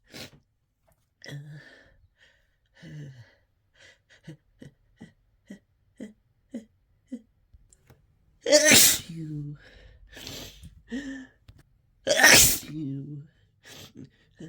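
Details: Repeated, desperate sneezing brought on by Chhinkni sneezing snuff: sniffs and gasping breaths, then two harsh, explosive sneezes followed by moaning.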